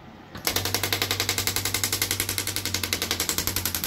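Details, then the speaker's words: Shockwave therapy device firing deep-impact pulses on an arm wrestler's arm (triceps), kept off joints and superficial bones, with a smaller head; fast, regular clacking, about four pulses a second, over a low hum. "I landmark where the joints and the superficial bones are, so I don't accidentally go over them, especially with the deep impact, because it's like banging off the bone."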